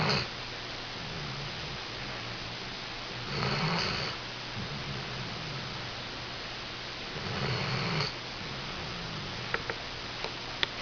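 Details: Snoring while napping: two soft snore cycles in a quiet room, each a low rumble on the breath in, with a faint hum between.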